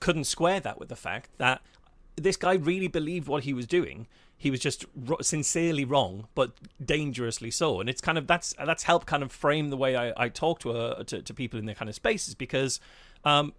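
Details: Adult male speaker; Normal conversational speech.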